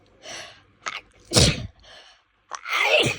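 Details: Person woken in the early hours by an intense, rapid, hitchy sneezing fit, with a sore nose and difficulty breathing: several sharp sneezes with catching breaths between them.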